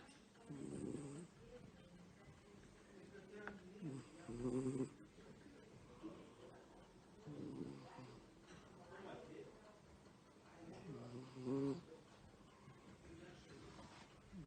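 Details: Pet cat asleep; soft, rattly snores recurring every few seconds, about four breaths heard; quiet snoring.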